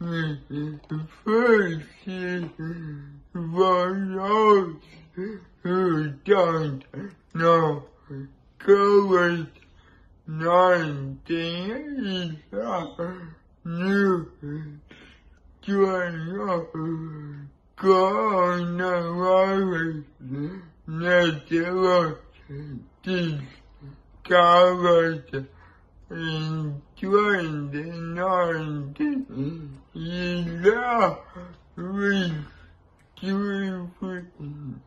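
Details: Male speaker with cerebral palsy and compromised immunity; dysarthria (cerebral palsy).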